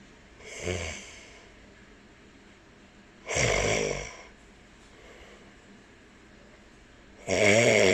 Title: Cockatiel enjoys Daddy's snoring sound 2020年4月15日